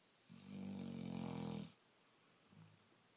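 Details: Sleeping female black Labrador, tired after a late night: a long, rattling low snore on a breath in, then a soft shorter breath; ordinary dog snoring.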